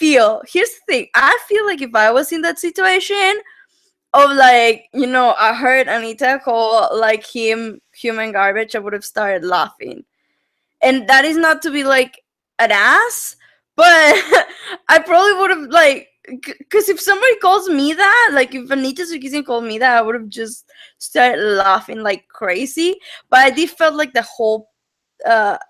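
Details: Adult woman speaking; normal voice.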